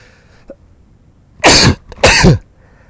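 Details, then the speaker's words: Adult's double sneeze, two sharp, forceful bursts of air close together that sound cough-like, during a game stream. "now if anyone's wondering if that is a call for a sneeze it actually is a sneeze i know when i listen to the replay it sounds like a cough"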